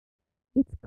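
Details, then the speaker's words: Simulation of moderate sensorineural hearing loss in a child: a brief, muffled fragment of a spoken sentence with crisp higher sounds missing; for demonstration only. "the next two are examples of moderate and mild sensory neural hearing loss the last sentence will sound as it does for someone with typical hearing"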